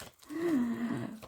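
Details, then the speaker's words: Snoring from a sleeping assistant heard in the background: a single drawn-out, droning snore, low and slightly falling in pitch. "Derrière, comment ça ronfle? C'est l'assistant. C'est l'assistant qui ronfle."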